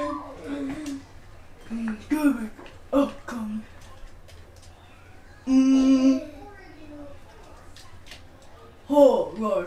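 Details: Autistic boy making sounds, including humming, just outside a bedroom door; vocal stimming.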